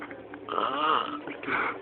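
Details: Animal snoring while asleep: a loud, rough, rattling snore on breathing in, with a tonal edge.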